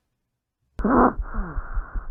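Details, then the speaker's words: Stridor: a very intense, high-pitched breath sound. "ele tem um som bem intenso e bem Agudo né e vamos ouvir ele aqui agora novamente recomendo fones de ouvido"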